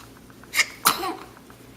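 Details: A short in-breath, then one sharp explosive sneeze with a brief trailing breath, in a quiet room; sneezing.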